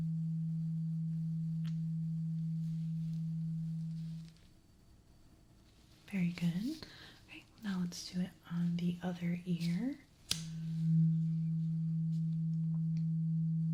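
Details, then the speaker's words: Role-played (ASMR) ear exam hearing check for clogged ears: struck tuning fork's steady low pure hum fading slowly, struck again after brief whispered speech; simulated tuning fork hearing test. "I have this tuning fork. I need you to just let me know when the sound stops. Okay? So, I'm going to hit this and it's going to make this sound. Okay? So, just tell me when it stops."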